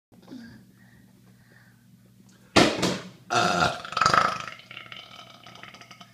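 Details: Low rumbling throat bursts, including a couple of drawn-out belches, in a quiet room; burping.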